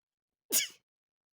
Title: random morning sneezes